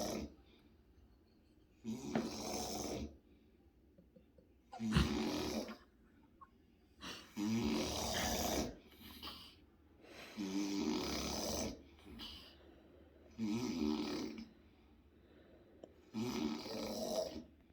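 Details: Brother snoring loudly in an adjoining bedroom, recorded with lights off: rough, rattling snores at about 21 a minute, some quieter, with an uneven rhythm.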